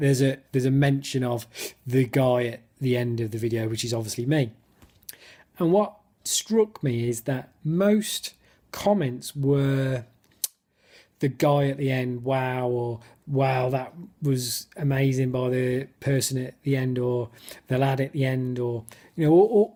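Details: Adult who stammers, speaking spontaneously in an excited football fan interview where his speech technique lapsed; he notes many blocks and clearly overt stammering; stuttering.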